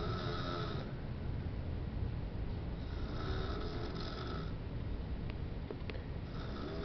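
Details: Snoring.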